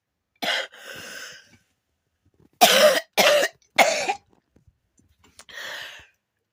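About five harsh cough bursts, three in a quick run in the middle, separated by quiet gaps. Repeated coughing.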